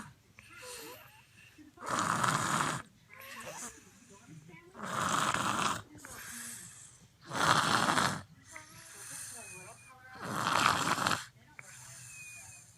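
Loud, rough snores on each in-breath, about four in the clip with quieter out-breaths between; heavy snoring unusual for a baby's size.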